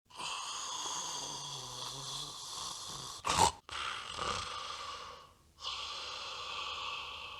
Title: 3 DOGS IN DEEP SLEEP SNORING LOUD, Dogs Sleeping & Snoring Relaxing-Sleeping, How Dogs Snore.